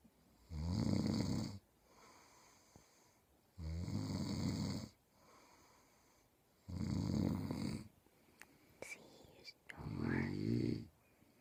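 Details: A man who says he doesn't snore, recorded asleep: four loud, low, rattling snores about three seconds apart, roughly 20 a minute, with quiet pauses between; snoring.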